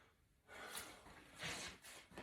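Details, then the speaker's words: Normal breath sounds on stethoscope diaphragm auscultation of a male during deep breaths: clear airy hiss, bronchovesicular upper chest, vesicular over lung fields, clear and equal bilaterally, no wheezes or crackles. "unable to hear any tracheal sounds he does have bronchovesicular sounds um in his upper chest and then um vesicular sounds over the long fields his lungs are clear and equal to auscultation bilaterally"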